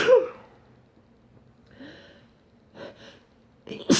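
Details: Morning sneezes: a sharp burst of air, soft breaths, then another sneeze beginning at the end.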